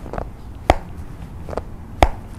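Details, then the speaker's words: Two loud, sharp cracks with softer clicks between them as a man's previously sprained, painful ankle is moved; patient also has back-of-hip pain radiating down the leg; ankle joint crepitus. "Nah ini bunyi, ini bunyi sekali. Di bagian pergelangan kaki ini pernah keseleo."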